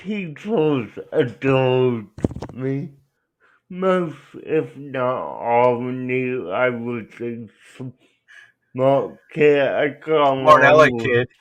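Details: Adult male speaker; dysarthria (cerebral palsy).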